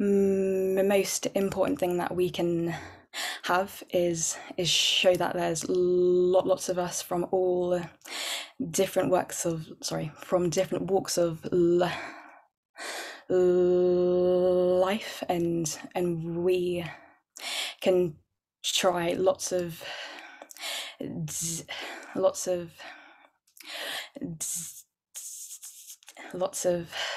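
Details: Real, overt stammering (stuttering) in an adult woman who stammers, with repetitions and blocks.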